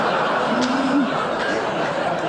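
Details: Woman who had a stroke imitates how a colleague's voice sounded to her during it, unintelligible like a golden retriever, before she realised she could not speak or understand language; imitation of speech as perceived in receptive aphasia.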